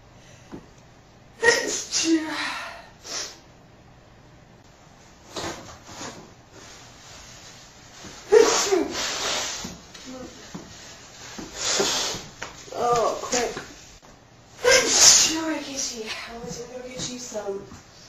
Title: Classic Sneeze 23